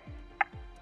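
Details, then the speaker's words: ZOLL AED 3 during CPR on an unresponsive adult after no shock was advised: soft rhythmic thuds with clicks, a metronome tone pacing compressions at 100 to 120 a minute, with real-time feedback on compression depth of 5 to 6 cm. "to match the tone the depth indicator lets rescuers know when they provide high-quality CPR the real-time feedback will provide you with information when your compressions are not deep enough"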